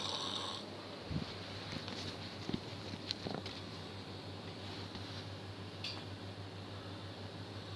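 Low rumbling breath noise with snorting bursts over a steady room hum; snoring.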